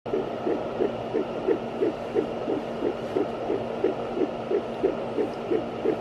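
Rapid, regular whooshing pulses of a fetal heartbeat on Doppler, about 175 a minute, over a steady electrical hum.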